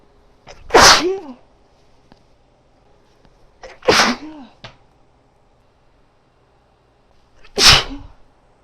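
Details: Female sneezing again with a tickling nose: three loud, sharp, wet sneezes, each with a quick intake before the burst and a short voiced tail.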